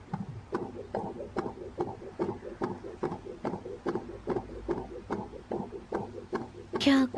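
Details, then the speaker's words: Fetal heartbeat in a TV drama scene (Hindi-dubbed Turkish series, simulated): rapid, regular whooshing Doppler pulses at about 146 beats a minute, described as the baby's heartbeat beating strongly. "आप दोनों को यह पाल जिंदगी भर याद रहेगा यह आपके बच्चे की धड़कन है"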